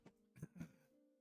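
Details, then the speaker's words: Adult sick for about a month after an earlier illness, viral phase believed gone, mucus still in the throat: a few short, low, throaty coughs over soft background music; lingering post-viral cough. "You can hear that I'm still coughing a lot,"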